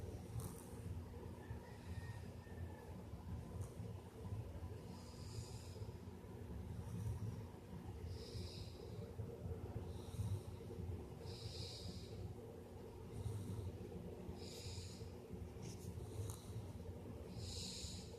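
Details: 3-year-old child: soft, snuffly snoring breaths repeating steadily over a constant low background rumble; snoring.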